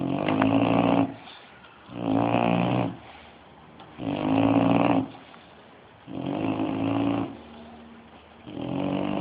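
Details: Loud, rattling snores in a steady rhythm, about 15 a minute, harsh vibration on each inhalation, from a bulldog; snoring.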